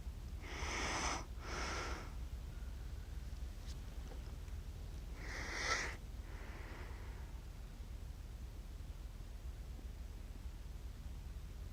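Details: Accidental recording of an adult sleeping, self-described as snoring funny: two soft snorting snores about four seconds apart over steady room hiss.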